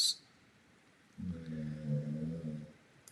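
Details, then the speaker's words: Worn-out dog, up since 3:45 in the morning, sleeping: snoring. "Good night was for the dog. You can hear the snoring. He He's already worn out. He's been up since uh 3:45."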